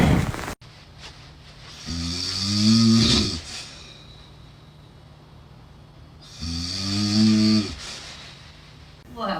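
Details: Two loud, rattling, low-pitched snores on inhaling, about four seconds apart, with quiet pauses between: heavy snoring.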